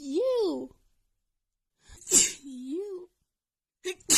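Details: Female holding back sneezes, then stifling them: rising-falling voiced buildups with catching breaths, then short pinched, muffled bursts of stifled sneezing.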